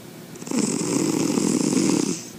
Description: Like all kitties, White Cat is all about sleeping. What makes him special is his human-sized snoring.